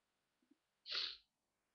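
Two faint catching breaths, then a single sharp, hissing sneeze burst in a quiet room; an ordinary sneeze.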